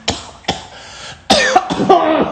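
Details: Coughing fit after smoking weed: four harsh coughs in quick succession, the later ones wet and rasping.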